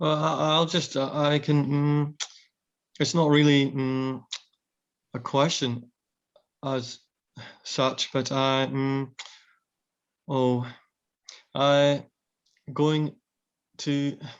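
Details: Aphasia in a man after a brain tumour, now severely sight impaired; hesitant speech with word-finding pauses.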